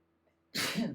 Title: Allergy sneezing fit